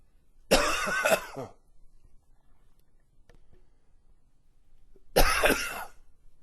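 Two harsh, explosive coughs about four seconds apart, the first a double burst, in a quiet room.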